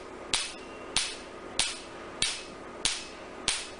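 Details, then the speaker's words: Sharp, regular snapping clicks about every 0.6 seconds from an Nd:YAG Q-switched laser during tattoo removal (R20 technique, third sitting) on a male patient lying comfortably without anesthesia; Q-switched laser pulses. "We are doing NDI Q-switch laser for tattoo removal for this patient."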